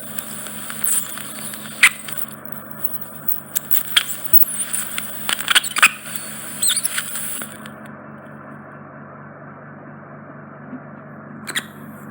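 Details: Microsuction of a large, deep impacted wax plug in an adult man's right ear canal, which was causing reduced hearing: high, steady suction hiss with scraping crackles and squeaks as wax is drawn into the tip, then the hiss clears.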